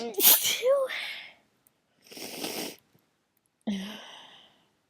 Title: morning sneezes (again)